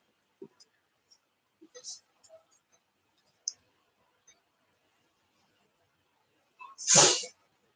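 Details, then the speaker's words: A single forceful sneeze from a male pet, with a short catch before the sharp, hissing burst; it sounded effortful. "Bless you. day, hey? That sounded like it was so hard doing that sneeze."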